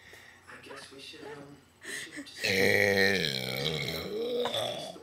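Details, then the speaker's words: Person deliberately burping on a count with a friend: one long, loud, drawn-out rumbling voiced burp; the burper says it's stuck, it smells bad and it hurt. "I'm better than her wait it's stuck oh my God that smells so bad it's stuck"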